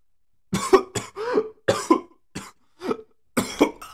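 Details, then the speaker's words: Cough from an adult transgender woman who says she is sick: a run of about six short, harsh coughs with a throat clear. "I'm actually sick right now um but I really wanted to do trans memes so um yeah yeah so we're doing this"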